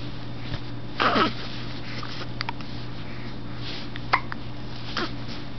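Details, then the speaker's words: One-month-old baby girl on her play gym with hiccups: short, sharp catching sounds a few seconds apart over a steady room hum. "got hiccups, baby."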